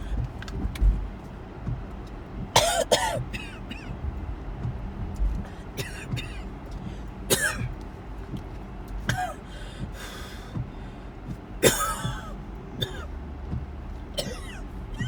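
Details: Repeated bursts of harsh coughing and throat clearing over steady road noise, recorded in a moving car on the way to the hospital/ER during a series of attacks; recurrent coughing fits.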